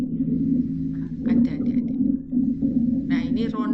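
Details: Rhonchi.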